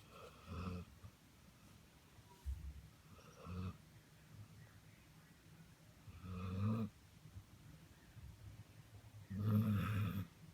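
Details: Low, rumbling snores about every three seconds (roughly 20 a minute), with quiet breathing between them.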